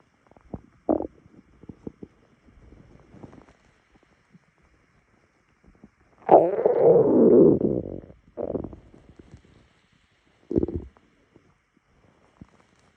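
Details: Stomach rumbling on waking in the morning: gurgling bursts, then a long loud rumbling growl and shorter gurgles; ordinary bowel sounds, borborygmi.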